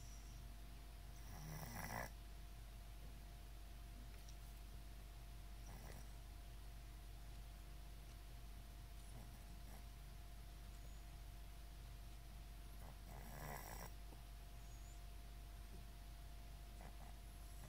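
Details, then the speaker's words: Cat that started getting sniffles on Thursday: occasional noisy, snuffly breaths over a steady low hum, nose sounding blocked, suggesting nasal congestion. "Hey, buddy. Sounds like you got sniffles. Poor thing."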